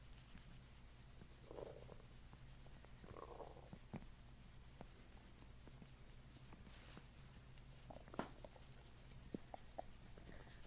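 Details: Abdominal gurgles during a chiropractic session, patient doing belly breaths while reflex points are pressed: soft gurgling bursts and brief squeaky rumbles over a steady low hum; borborygmi.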